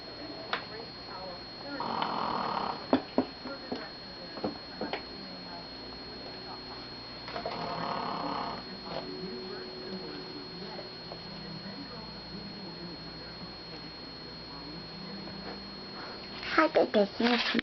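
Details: Old dog who had his last teeth pulled the same day, now snoring loudly; two soft, rough snoring breaths about six seconds apart with a steady high tone and clicks in a quiet room: snoring.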